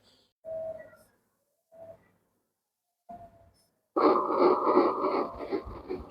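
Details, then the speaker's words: Doppler ultrasound of one fetus in a twin pregnancy, about 10–11 weeks: fast rhythmic whooshing pulses of a normal fetal heartbeat, about 170 per minute, after a few brief tones. "তো এটা শুনতে পাচ্ছেন বাচ্চার heartbeat. তার মূলত বাচ্চার heartbeat."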